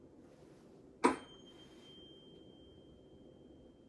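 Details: Tuning fork vibrated and placed on the mastoid bone behind each ear of a male patient, who reports when he can no longer hear it, during hearing testing after whisper and Weber tests.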